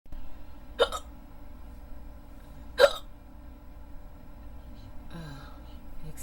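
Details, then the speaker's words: Audio-only recording of a person trying to fall asleep, hiccupping off and on for 15–20 minutes: two sharp hiccups about two seconds apart over a steady hum, then a faint voiced sound; hiccups. "Excuse excuse me I'm really trying to fall asleep but I can't can't do to these hiccup hiccups excuse me"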